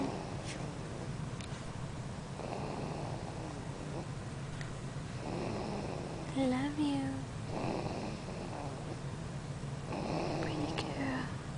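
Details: Sleeping infant girl snoring loudly: rough, rattly breaths recurring about every 2.5 seconds, roughly 24 a minute, with a brief squeak between; infant snoring.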